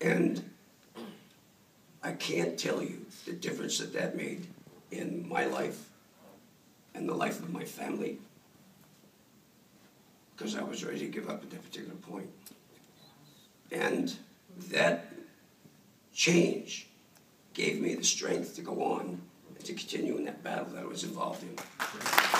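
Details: Adult male throat cancer survivor, diagnosed about 14 years earlier after a neck lump was found; dysphonia after throat cancer.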